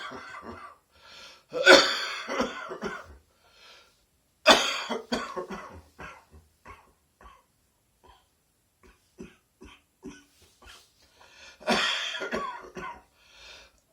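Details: Chesty morning productive cough: harsh, wet adult coughs in bursts with throat clearing between.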